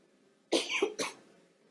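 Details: Legislator coughing during a session of El Salvador's Legislative Assembly: a short run of two to three harsh coughs in a quiet room.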